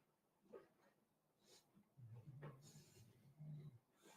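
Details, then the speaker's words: A dog snoring in the background. "Yeah, that's the dog snoring."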